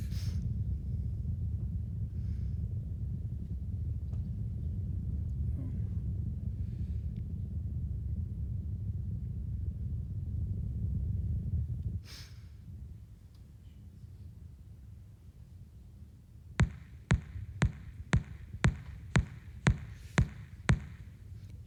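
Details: EMG interference pattern during sustained contraction.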